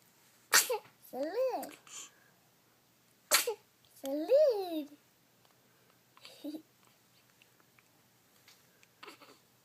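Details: Young child sneezing: two sharp sneezes, each followed by a child's vocal squeal, with quiet room sounds between; ordinary sneezing.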